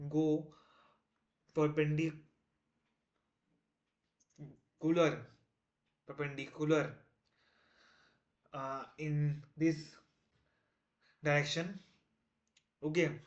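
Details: Male self-described person who stammers, day 1 of a 30-day stop-stammering challenge, trying not to stammer while explaining a math topic; repetitions and fillers audible; stuttering.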